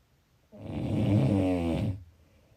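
A single long, low rattling snore on an in-breath, lasting about a second and a half.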